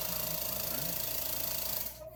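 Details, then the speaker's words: Steady buzzing motor roar of an oral suction machine running with a suction wand attached, then cutting off as a voice begins. The machine only removes liquid when its vent is covered. "If we turn it on and we try to use it without the vent being covered, nothing happens. The moment we cover it, it'll start removing liquid."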